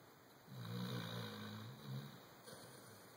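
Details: Low, rumbling human-like snore of about a second and a half, then a softer second breath sound, from a chocolate Labrador dog; snoring.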